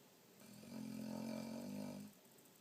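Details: Boxer dog snoring like a human: one drawn-out, low, groaning snore with a humanlike voiced tone.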